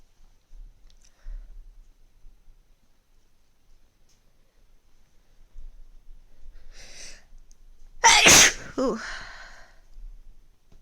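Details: A short in-breath followed by one loud, explosive sneeze in a quiet room; sneezing as a cold is just coming on.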